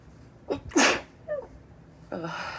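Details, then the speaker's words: Woman having repeated little sneeze fits, which she attributes to allergies, possibly dust from the air-conditioning filter, deliberately making them high-pitched. A quick in-breath, then a sharp high-pitched sneeze and a shorter follow-up sound. "i'll try and make them a little high-pitched girly see if i can it's not really how my natural sneeze is"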